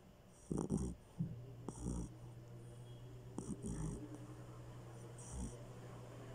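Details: Short, soft snorting snores in quick bursts over a steady background hum; a sleeping Aspin dog snoring.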